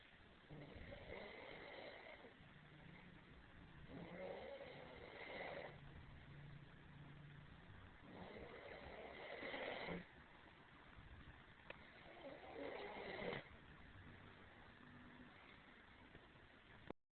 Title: Snoring 1.3g2